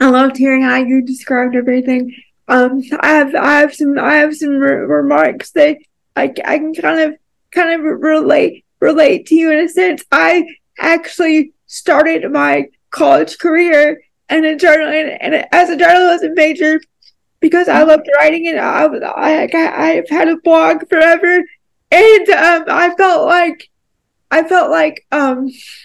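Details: Dysarthria from cerebral palsy; she describes having a more severe form of cerebral palsy that makes it harder for her to talk.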